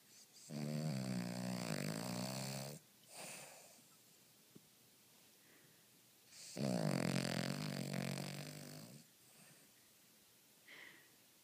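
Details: Small Cavalier King Charles Spaniel dog snoring during a movie: two long, buzzing, rattly breaths in, each followed by a soft breath out, about 11 breaths a minute.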